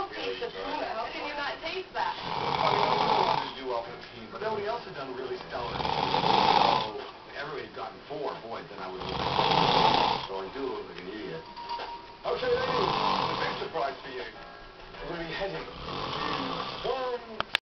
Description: my brother fell asleep at my house ,had to record him snoring